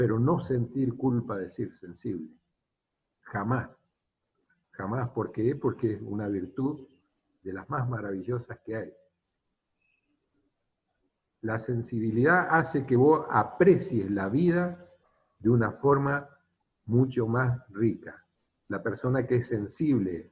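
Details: Adult male speaker; ordinary speech.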